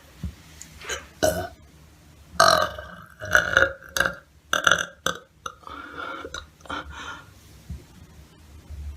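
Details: Repeated loud, deep, drawn-out belches, about eight in nine seconds, with throat clearing, gasps and sighs around them; burping.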